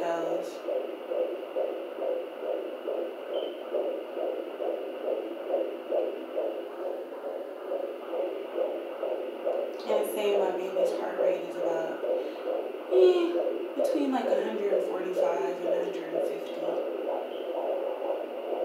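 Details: Fetal heartbeat heard with a Sonoline B handheld baby Doppler: fast, rhythmic whooshing pulses typical of a fetal heart rate.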